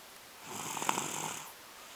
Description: my two year old is exhausted and crashed out on the couch snoring